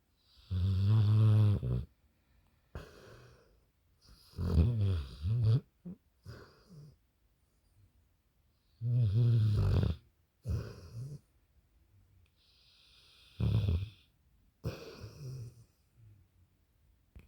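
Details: Sleeping dog snoring heavily: deep, loud, rattling snores with each breath, about 15 a minute, with quiet gaps between. Snoring.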